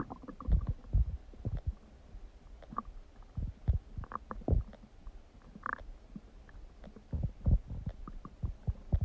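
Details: Borborygmi.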